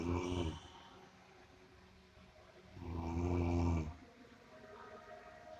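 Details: Deep, loud, buzzing breaths likened to a buffalo, a shorter snore then a long one about three seconds later, during sleep: heavy snoring.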